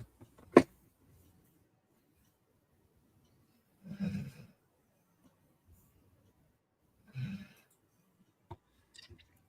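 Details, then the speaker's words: Loud, low rumbling snores about three seconds apart with faint clicks in a quiet room, from a sleeping pet or companion called Trike during a live stream; snoring. "well he is he is snoring pudy you're still there yeah P's here oh okay surprised the trike didn't wait trike is snoring loud boy he's snoring Loud"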